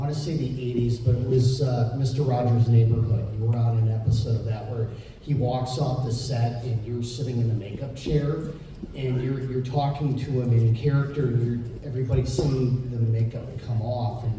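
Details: Adult man speaking; typical speech.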